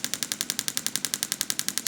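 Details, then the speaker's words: Loud, sharp, evenly spaced clicks about eleven a second from a radial pulse wave (shockwave) therapy device moved slowly over the wrist's carpal tunnel and flexor retinaculum, treating carpal tunnel syndrome and wrist pain. "so this is going to make a clicking noise during the treatment and so here we want to move very slowly through the treatment area to affect the tissues involved"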